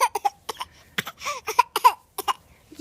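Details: Six-month-old girl recovering from a cold makes a series of short, deliberate cough-like sounds for attention: a harmless voluntary fake cough.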